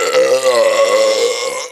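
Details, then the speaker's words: Belching 14 minutes after drinking a whole bottle of Coca-Cola, with burps now coming repeatedly: one long, loud, low rumbling belch lasting nearly two seconds. "it has now been 14 minutes since I've drank a whole bottle of Coke without burping and now it's just coming out wo that was weird I can't stop make it"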